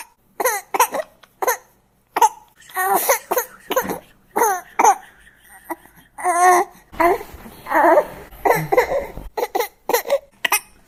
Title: BABY CRYING SFX - SOUND EFFECT - NEW BORN CRYING